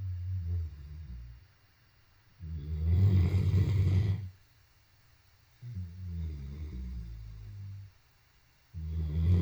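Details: Great Dane dog (tagged as a tired puppy) snoring while asleep: deep, loud rumbling snores cycling roughly every three seconds, one coarse noisy breath standing out.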